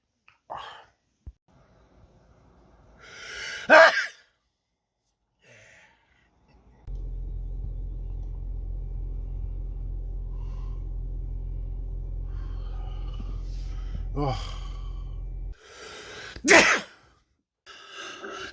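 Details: Several loud, explosive sneezes with sharp intakes of breath before them, separated by quiet gaps and steady background hum, from a person whose nose reacts to smells and sunshine; sneezing.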